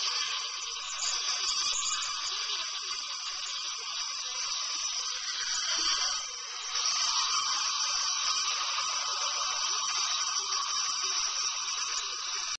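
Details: Steady high-pitched whine of a dental drill running continuously with small pitch shifts during a tooth filling, recorded on a Flip Video camcorder; dental drill.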